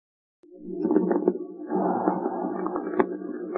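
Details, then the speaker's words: Coarse moist crackles (subcrepitant rales), teaching example: breath sounds with irregular bubbling, popping crackles, heard in both phases, mainly expiration. They come and go with cough and expectoration and are wetter and more changeable than crepitant rales. "se escuchan en los dos tiempos principalmente en la espiración suelen aparecer y desaparecer por la tos y la expectoración sus sensaciones palmatorias son excepcionales éstos estertores son más húmedos irregulares y cambiantes que los crepitantes"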